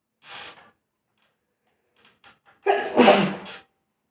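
A short breathy intake followed by a sudden loud burst of air and voice; a single sneeze, with a brief lead-in sound before it.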